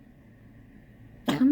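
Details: Dog with X-ray and blood-test diagnosed collapsing trachea and enlarged heart, coughing since August 23rd, on heart medication and cough syrup: after quiet room noise, a sudden loud, harsh goose-like honking cough.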